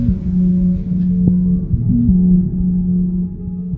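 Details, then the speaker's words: Adult man awaiting heart transplant with a left ventricular assist device (LVAD): steady mechanical, techno-like electronic hum instead of a heartbeat, no separate beats and no pulse, typical of a working LVAD pump. "It's not often you meet someone whose heartbeat sounds like this."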